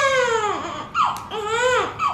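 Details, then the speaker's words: Newborn girl in hospital before discharge, being dressed to go home; she has red spots like a little rash on her face, hand and leg. Strong, clear crying in short wails with a steady pitch, no hoarseness or strained breathing: normal fussy newborn cry. "Why are you so fussy? Why are you so fussy? I'm gonna dress her and come right back, okay, guys? Okay. She's fussy."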